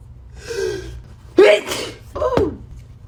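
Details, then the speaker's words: Woman sneezing on demand after poking rolled toilet paper into her nostril: a gasping wind-up of in-breaths followed by one loud, explosive sneeze. "that's how you can sneeze on demand just roll up some toilet paper and poke it in your nose"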